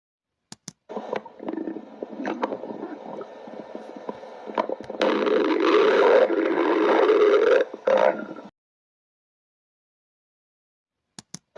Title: Just a stomach growl part 2 remake